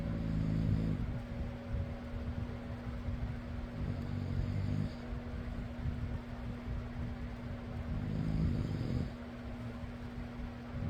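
Low rattling snores at about 3 breaths over 11 seconds, about 16 a minute, under a steady fan hum: ordinary snoring.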